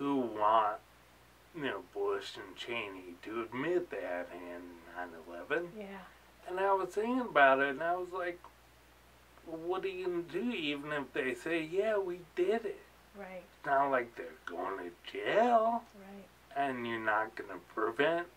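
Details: Adult man with ataxia, a cerebellar disease diagnosed about four years earlier; articulating takes effort, worse toward evening, slurring when excited: ataxic dysarthria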